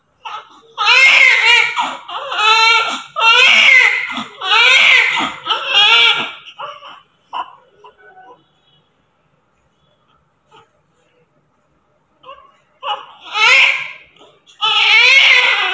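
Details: Newborn baby immediately after delivery: loud, high, rhythmic wailing cries in repeated bursts with a pause in between; a vigorous newborn cry.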